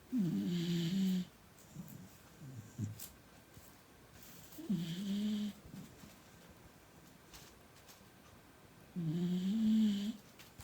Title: Snoring beagle puppy | Must be dreaming of #kfc 🍗 |